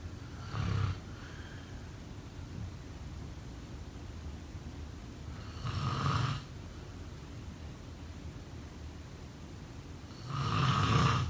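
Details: Snoring sounds from a sleeping person; snoring.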